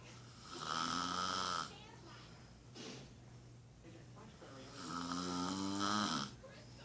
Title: Snoring wife.